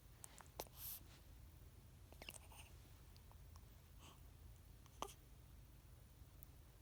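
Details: 5-day-old newborn Japanese baby boy filmed at close range by his mother: faint, brief catching sounds repeating every couple of seconds against quiet room noise; hiccups.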